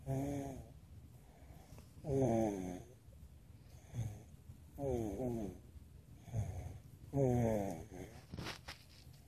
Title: snoring